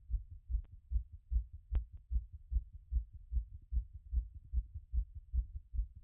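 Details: Own heart auscultated after a workout, rate had been around 180 but already settling: fast, regular heartbeat about 150 per minute with brief stethoscope clicks; rapid heart sounds after exercise.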